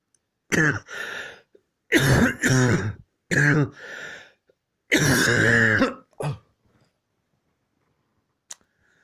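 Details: About six forceful, harsh coughs in quick bursts, some drawn out with a rough, throaty edge, forming a coughing fit.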